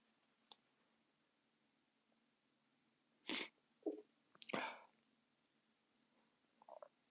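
Two sharp, explosive sneezes close together in a quiet room, with a softer breath between them.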